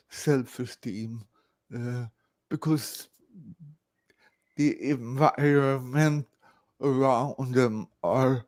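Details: Adult man born 1968 with severe cerebral palsy after about 45 minutes without oxygen at birth; speech recognition programs struggle with his speech; dysarthria.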